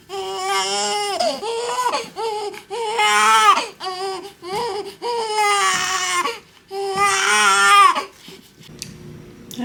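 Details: Newborn baby boy in hospital on his first day of life: repeated loud, tonal cries in bursts with short breaths between, in a quiet room; an ordinary healthy newborn cry.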